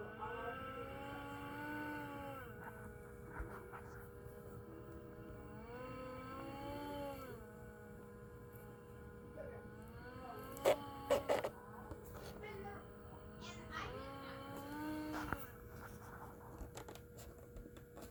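A CPAP machine gives a steady whine with whirring tones that rise and fall in regular cycles, indicating a fault.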